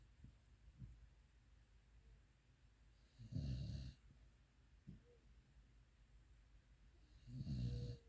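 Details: Pitbull (dog) snoring while asleep: two low rumbling snores about four seconds apart with quiet breathing between, roughly 15 breaths a minute.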